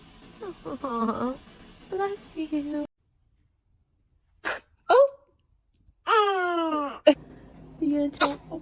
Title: The cutest sneeze ever #funny #funnybaby #baby #babychoice #funnyclips #kids #cutebaby